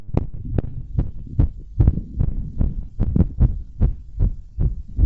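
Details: Heartbeat recorded with a device strapped by a stretchy belt around the chest/rib cage after bouncing exercise and blowing up a giant balloon: pounding, fast regular beats; normal heartbeat, rapid after exertion.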